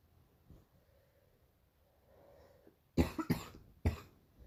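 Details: Quiet breathing, then three harsh coughs, two close together and one after a pause; a dry-sounding, painful morning cough.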